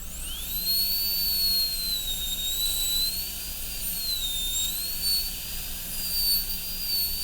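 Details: High-speed dental handpiece doing gingival extension of the boxes in an MOD amalgam preparation on tooth 29 of an Acadental typodont: a steady high-pitched whine wavering slightly in pitch as it cuts, over low room hum.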